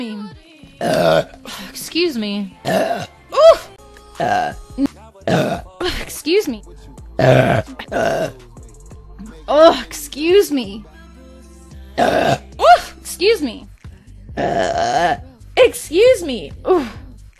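Repeated voiced belches, some long and drawn out, over background music: a series of burps.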